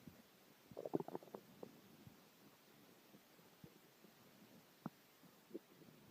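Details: Ordinary hunger stomach growling (borborygmi) from a man who hadn't eaten in 6 hours: a cluster of gurgling, bubbling rumbles early, then a few isolated gurgles in a quiet room.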